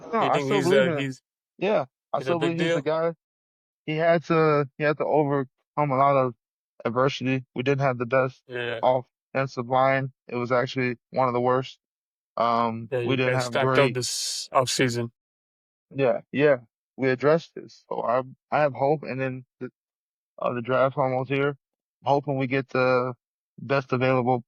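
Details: 34-year-old man with a lifelong stutter since childhood that persists in adulthood, stuttering hard especially on 's' words and his own name; stuttering.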